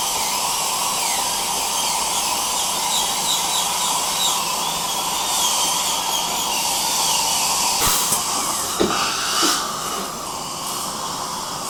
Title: Dental Drill & Suction, Dental Appointment, Drilling Tooth Sounds, Relaxing Dental Procedure Sounds